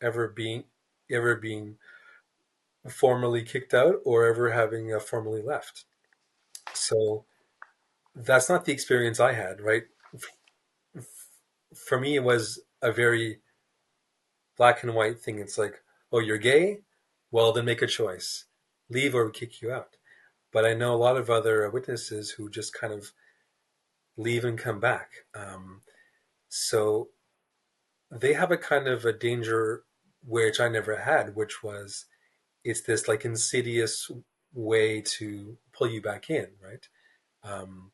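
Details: Adult man, a writer who describes himself as a person who stutters, in a real interview; stuttering.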